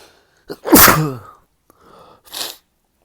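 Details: Male on waking, having sneezing fits every 30–60 minutes all day: a sharp inhale, then one muffled, held-back sneeze with a short voiced burst, then a soft breath and sniff; stifled sneeze.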